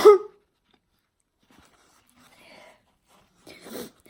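Two sharp, explosive bursts a few seconds apart, with faint sounds between them: deliberately forced sneezes.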